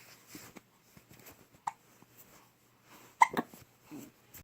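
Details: An infant's soft, quiet breathing with a few brief, abrupt catches; infant hiccups.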